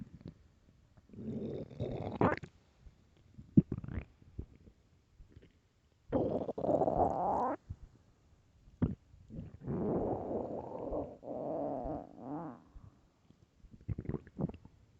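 Long, loud, warbling growls and gurgles with short pops between them: stomach growling, normal gut sounds from moving gas and fluid.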